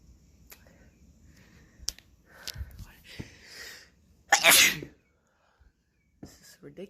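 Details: Person on day 5 of a head cold spreading to the throat, sneezing: a single forceful, hissing sneeze after a few quick sniffing breaths, in a quiet room.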